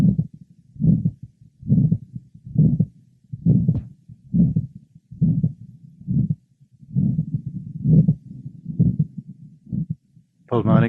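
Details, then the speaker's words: 63-year-old man with severe advanced aortic valve stenosis, systolic gradient over 100 mmHg at catheterization: regular heartbeat near 68 a minute, each beat with a harsh rushing systolic murmur, heard from aortic area to apex. "next a 63-year-old man with severe Advanced stenosis of the aoic valve a systolic gradient over 100 mm of mercury was present on cardiac catherization the aoic merma is well heard over the precordium from the aoic area to the Apex"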